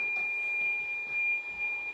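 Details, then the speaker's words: Dental teeth-whitening timer beep: a steady high-pitched electronic tone marks the end of a 15-minute whitening gel session, after which the gel is removed. "the whitening treatment is definitely a waiting game and you're constantly clock watching waiting for the time to finish"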